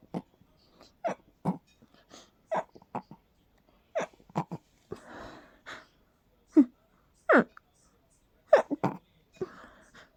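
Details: Series of short, stifled bursts with a few breathy gasps between them, a fit of suppressed sneezes, with laughter around it.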